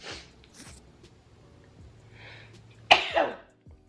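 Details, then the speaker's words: A girl lets out faint breathy sounds, then one abrupt explosive sneeze with a trailing burst, set off by a Covid-19 nasal swab test; quiet music plays in the background. "yeah baby three times oh the last that made me sneeze"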